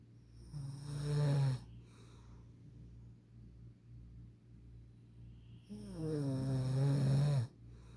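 Two loud, low, rattling snores on inhaling, with quiet breathing between them.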